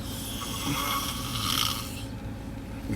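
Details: Adult man sleeping on tour: a single long, rough, fluttering inhaled snore lasting about two seconds, then quieter breathing over a steady low hum; snoring.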